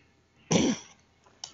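A single short, harsh burst from the throat, then quiet: a throat clear or brief cough.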